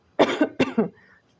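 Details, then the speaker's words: Two quick coughs from an adult speaker who has been sick the previous week and still has a hoarse voice, each cough with a sharp explosive start and brief voiced tail; cough. "Sorry for my voice. I've been quite sick last week. So, I'm still dealing with that."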